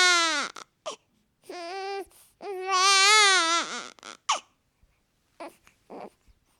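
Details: Newborn baby boy crying, sound-effects recording: loud, high-pitched rising and falling wails with short gasping breaths between; newborn cry.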